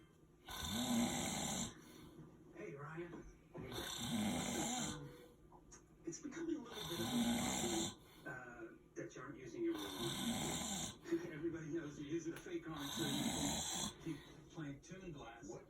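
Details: Close-up recording of a man sleeping: loud, rough snores about every three seconds, roughly 19 a minute, with quieter breathing between them; snoring.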